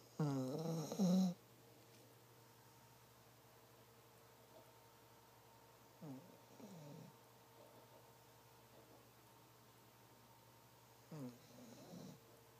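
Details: Loud snoring in a sleeping dog, nightly per owner: rough, snorting snores every few seconds with quiet pauses between them.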